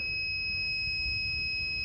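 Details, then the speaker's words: Transport ventilator switched from neonatal assist-control to CPAP mode, supplied only with oxygen: continuous high-pitched alarm for low air supply and low respiratory rate, as no spontaneous breathing is detected. "En modo CPAP nos está dando una alarma de bajo aire porque está solamente alimentado con oxígeno en este momento. La alarma de baja frecuencia porque no detecta ninguna respiración espontánea en el paciente."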